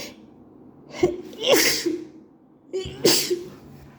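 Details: Two sneezes, each with a sharp in-breath beforehand, part of a repeated allergic sneezing fit; the sneezer is at work and reports allergies triggered by a co-worker's bathroom and night allergies.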